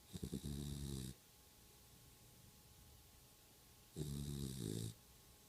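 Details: Stella snoring: two low, buzzing snores about three seconds apart, each roughly a second long, with quiet breathing between.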